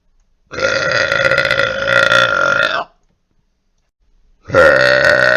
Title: More Burps 1